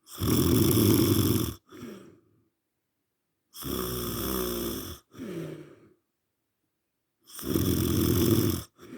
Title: and you moan about me snoring 😴